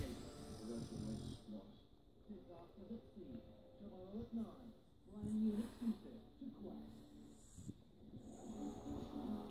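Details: French Bulldog, apparently settling for bed, snoring with grunting, pig-like snorts and rattling breaths, with some room noise.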